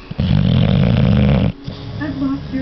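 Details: A bulldog snoring while awake: one deep, loud, rumbling snore lasting over a second, with faint voices in the background; snoring.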